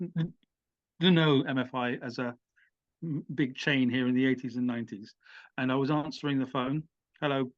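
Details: Adult man who stammers; he says the stammer can come in when addressing an audience; stuttering.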